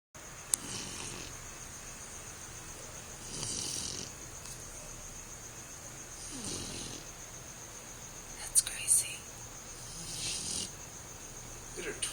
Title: Snoring dog, Graci